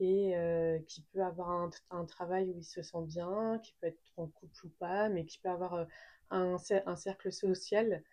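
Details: Adult woman speaking French who has stuttered since age 3; stuttering.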